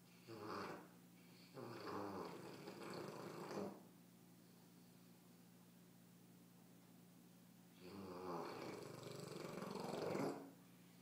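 Two long, rough, rattling snores, each lasting about two seconds, separated by quiet pauses, with a steady low hum in the room.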